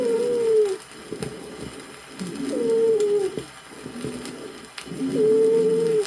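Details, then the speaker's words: 1964 USSR auscultation teaching record: high-pitched whistling dry rales (wheezes) of bronchial asthma, best heard on expiration, with each breath out. "послушайте различные варианты сухих хрипов высокие свистящие хрипы бронхиальной астме лучше выслушиваются на"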